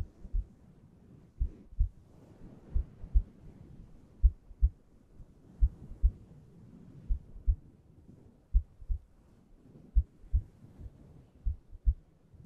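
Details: ASMR heartbeat recording meant for relaxation and sleep: slow, steady, deep, soft paired lub-dub thumps at around 40–45 beats a minute; a heartbeat.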